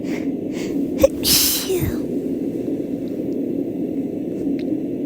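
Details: Female, sneeze induced after nose felt tickly: a quick catching breath, then a single forceful sneeze trailing off, over steady rumble from a sound machine; sneezing.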